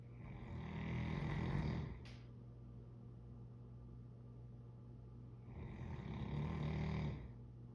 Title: Loud dog snoring